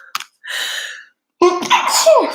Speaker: It was a matter of time before I started sneezing, wasn't it?